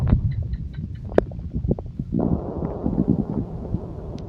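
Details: Stomach growling (borborygmi): low, loud rumbling with bubbly gurgles from gas and fluid moving through the gut.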